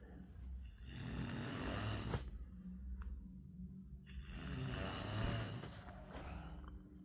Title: ultimate snoring sound part 3(1)